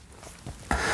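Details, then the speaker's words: Demonstration by a physiotherapist of fingers being cracked: a faint click and then a sharper pop from the finger joints; knuckle cracking (joint cavitation). "다들 한 번쯤 이렇게 손을 뚜두둑 두두둑 하는 그런 소리들을 경험하신 적이 있나요"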